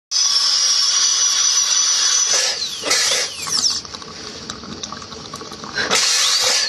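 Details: Shrill high-pitched whine of a dental drill with spray hiss, pitch dropping as it engages the tooth, then restarting; tooth preparation for a composite filling restoration.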